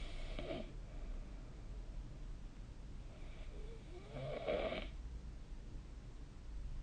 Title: 🐽 いびきの音 / Snoring Sleep Sound 2025/05/21